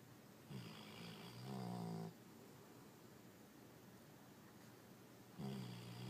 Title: Moose snoring